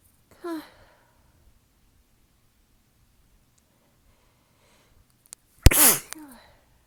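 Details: Stifled sneezing in a tickly sneezing fit from allergies, weather change and fatigue: a soft breathy sneeze, a long pause, then a sharp, partly held-back sneeze with a quick in-breath.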